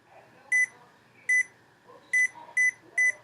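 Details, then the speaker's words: DBPOWER automatic blood pressure monitor demonstrated with the cuff at heart level, the user not properly seated: five short beeps at start-up as the cuff inflates, then a reading of 126/73. "the beeping is to measure your heart rate your pulse heart rate pulse same thing 126 over 73 that's the blood pressure"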